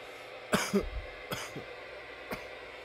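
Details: Three short cough bursts, the first a double cough, in a quiet room; part of a nearly ten-minute coughing session.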